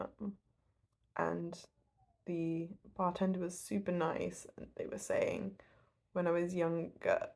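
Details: Adult woman who stutters, telling a story; stuttering.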